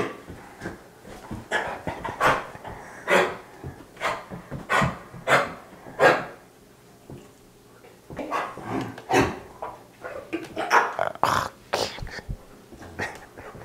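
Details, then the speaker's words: Dog Roxy gives repeated harsh, hacking coughs in bouts, as if trying to bring something up; kennel cough (infectious tracheobronchitis). "they just start to cough and it sounds like they're trying to cough or bring something up"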